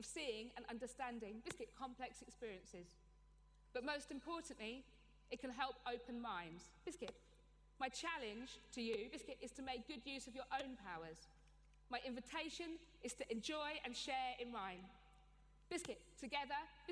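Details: Adult woman with Tourette syndrome, a neurological condition causing involuntary movements and noises (tics), with frequent involuntary word tics including coprolalia (obscene tics); Tourette syndrome vocal tics.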